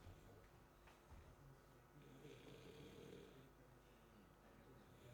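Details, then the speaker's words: Sleep endoscopy patient after turbinoplasty and adenoidectomy two weeks earlier, snoring very severely: a harsh, irregular, fluttering snore with very severe airway collapse at the oropharynx and hypopharynx, typical of obstructive sleep apnea. "now shall I just show the dice what is right now here because the patient is snoring very severely now"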